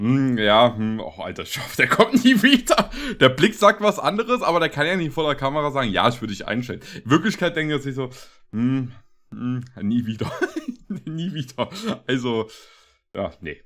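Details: Adult man; typical speech.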